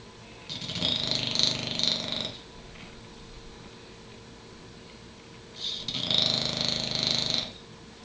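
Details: Derby snoring, usually much louder than this: two long, rough, rattling breaths with a quiet pause between, a slow regular pattern during sleep.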